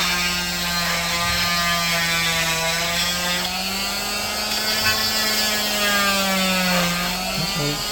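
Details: Cast removal with an oscillating cast saw, patient told it vibrates and warms; steady high buzzing whine cutting through the cast, pitch shifting slightly.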